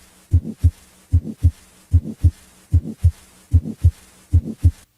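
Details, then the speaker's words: Grade 2 heart murmur: regular heartbeat around 75 per minute with a quiet, soft murmur between the heart sounds, heard immediately on placing the stethoscope on the chest. "a grade 2 murmur is quiet but heard immediately after placing the stethoscope on the chest"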